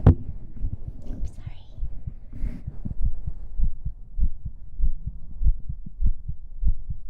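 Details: Heartbeat in an ASMR stream recorded with a 3Dio binaural microphone: soft low thumps at roughly 100 a minute, somewhat uneven, with faint whispering over the start, heard close up.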